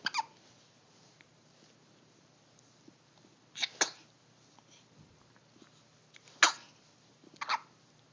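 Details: Several short, sharp bursts of air a few seconds apart, in pairs, fitting small sneezes, in a quiet room.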